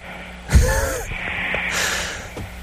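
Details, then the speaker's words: Snoring of a 17-year-old boy, heard over a phone, probably pressed to his ear while lying on his side; deep sleep, slow respirations, little whistle at end of inspiration and a stutter. "where do you think the phone is positioned that uh we can hear him snoring clearly"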